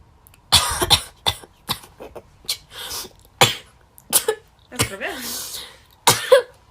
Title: Sneezing girls..Covid-19 nasal swab test #sneezing #재채기 #くしゃみ compilation of Coronavirus testing